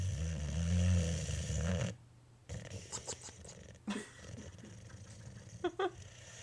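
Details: A sleeping boxer dog gives one loud, low, honking snore, then quieter snuffling breaths against faint room noise. The owner says this usually happens right before he barks: snoring.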